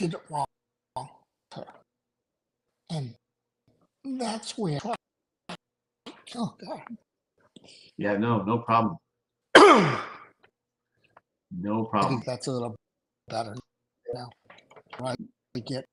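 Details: Adult male stroke survivor with aphasia after two strokes in November 2017; right-sided weakness, unusable numb right hand, short-term memory problems, 10 seizures since stroke; finding: aphasia.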